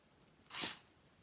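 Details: Charley, a blue and gold macaw, fake sniffling after something got in her eye (eye fine): a single short, hissing sniff-like burst, imitation not illness.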